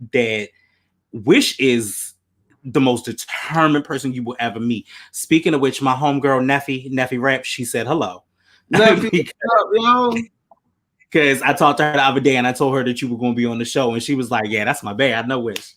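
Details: Adult man speaking; typical speech.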